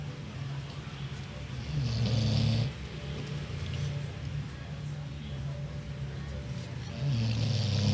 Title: Anjing tidur ngorok SNORING DOG